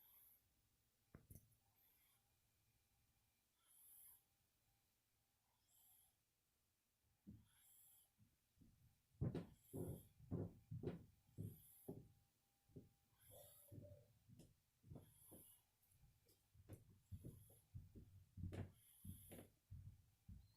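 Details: Kitten snoring while asleep on a shoulder: soft, rapid rhythmic snuffling snores with a faint purr-like rumble, very quiet; background noise from another cat on a scratching post.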